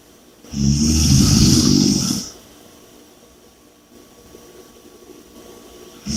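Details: One loud, rattling snore on the in-breath, followed by a quieter out-breath; snoring.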